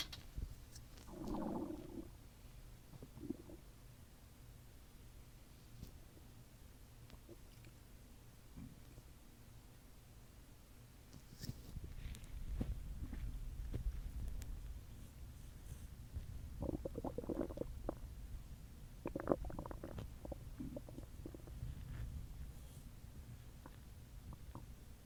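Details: Stomach growling after an Earth Day dinner, recorded in a closet: low gurgling rumbles and squelches from the belly, borborygmi.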